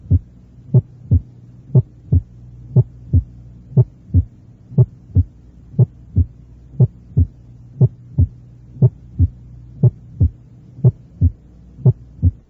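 Regular paired heart sounds at about 58 beats a minute, the first sound of each pair loud and sharp: a loud first heart sound. Faint steady hum behind.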